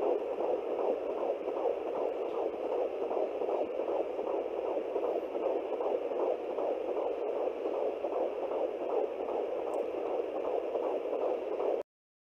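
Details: Fetal heartbeat at 14 weeks of pregnancy, male fetus, on an at-home handheld Doppler with gel: rapid, even whooshing pulses, roughly 150 beats a minute.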